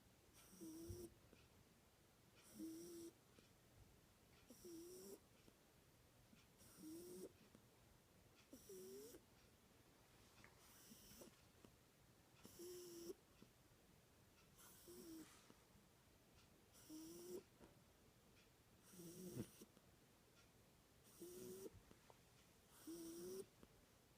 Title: Cat Snoring